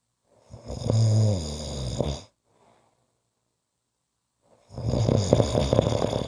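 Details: Two loud, low, rattling snores on inhalation, separated by a quiet exhale pause; snoring.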